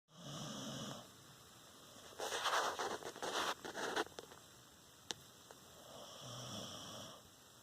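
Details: Female puppy asleep after tiring of begging for food: soft quiet snores with a burst of rustling movement between them.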